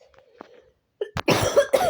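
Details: Sick girl with allergies, hoarse voice and burning eyes, playing Roblox Granny: a few soft throat sounds, then two to three harsh cough bursts in close succession.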